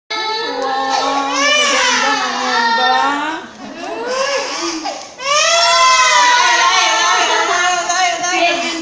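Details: Baby girl crying during ear piercing: loud, sustained high-pitched pain cry in long wailing bursts with a brief catch between, adult voices faintly behind.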